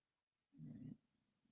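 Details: Snoring from one of two sleepers heard together; a person nearby had been vomiting, suspected flu: a single short, low, rough snore in a quiet room.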